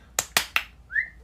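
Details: Young woman with Tourette syndrome with coprolalia; whistle tic between sentences; whistling vocal tic.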